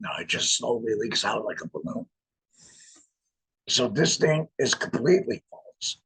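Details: Adult laryngectomee speaking with a voice prosthesis in a tracheoesophageal puncture, pushing trapped air up through the prosthesis to vibrate muscle; tracheoesophageal speech after laryngectomy.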